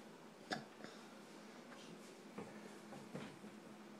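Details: Person with hiccups, linked to coffee: three or four brief, sharp, gulping hiccups a second or two apart over steady room noise; ordinary hiccups.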